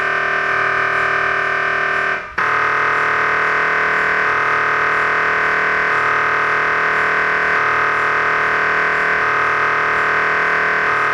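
Loud, steady electronic tonal droning with a repeating pulse pattern that shifts every second or two, typical of an MRI scanner running a sequence.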